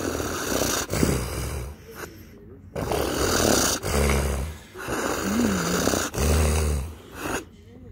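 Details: Loud, irregular snorting and gurgling breaths with pauses, like heavy snoring, during a severe seizure in a male who was very sore afterward; noisy snoring-like breathing during seizure.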